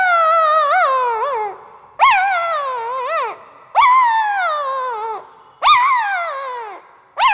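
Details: A sleeping newborn Pariah dog puppy makes high, wavering whimpers and whines, about four in seven seconds. This is ordinary sleep vocalizing, most likely dreaming.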